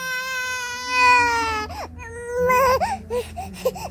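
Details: A teething baby cries: a long, steady wail followed by shorter, wavering cry bursts.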